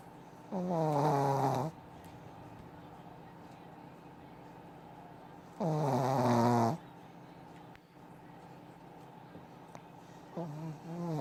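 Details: Loud, rough, tonal snores on the in-breath, about twelve a minute, separated by quiet breathing; snoring.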